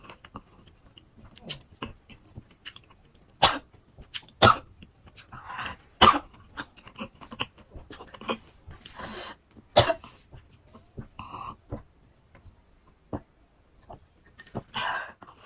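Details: Scattered short coughs and throat clearing, with a few stronger coughs in a row, among crunching sounds while eating fruit rujak (pineapple, melon, guava, apple, papaya) in a mukbang: coughing.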